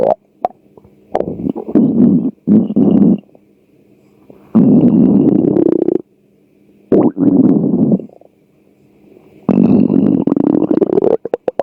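Repeated loud gurgling, rumbling bursts separated by quiet gaps: hunger-related stomach growling, a normal bowel sound.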